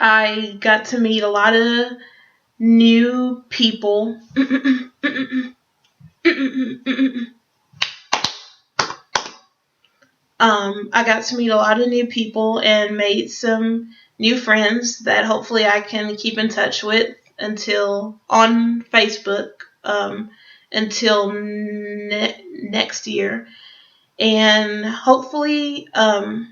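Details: Adult who stutters, speaking English, with blocks and part-word repetitions; stuttering.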